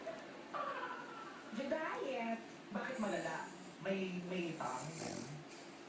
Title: Snoring dog